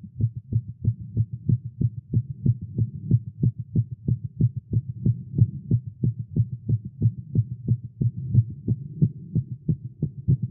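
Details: Male heartbeat after exercise and caffeine, tagged irregular: rapid, steady low thumps about 180 per minute; fast heartbeat.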